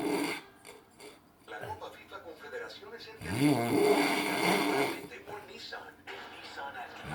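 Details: Loud, rough snoring through the breath cycle while a Spanish-language television plays talk and ads in the background; snoring.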